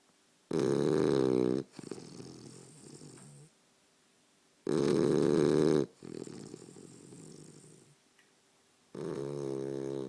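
Loud, rattling snores on each breath in, followed by a softer, noisy breath out; about 6 to 7 breaths a minute.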